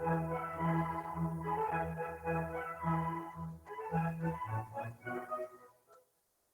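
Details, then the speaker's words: Simulated hearing loss: an organ-like melody plays muffled and dulled, with changes in some frequencies and harmonics, showing how a person beginning to have hearing deficit, common in older adults, perceives music. "vamos a ver cuando una persona empieza a tener un déficit auditivo escuchemos cómo lo percibe"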